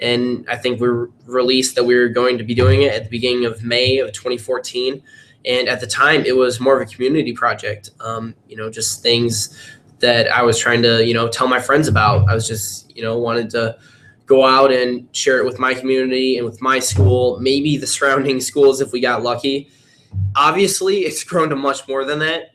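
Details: Teenage boy; typical speech.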